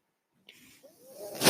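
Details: The speaker's own mechanical ventilator heard during speech: after brief silence, a soft airy hiss through the circuit builds to a louder rush, one ventilator-delivered breath.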